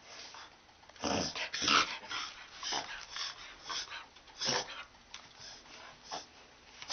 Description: Our Corgi Bender having a reverse sneeze attack.